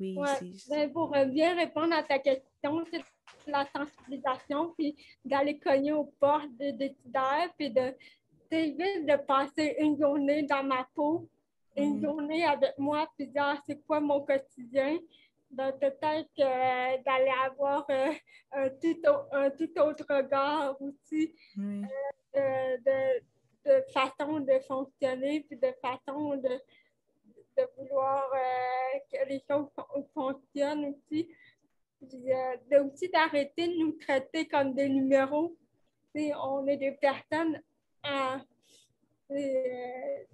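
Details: 29-year-old woman with cerebral palsy caused by lack of oxygen at birth, speaking French in an interview; she appears to mention speech difficulties; finding: dysarthria associated with cerebral palsy.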